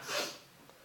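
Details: Person suddenly sneezing while talking: a single short, hissing nasal burst of air that fades quickly, like a snort or stifled sneeze.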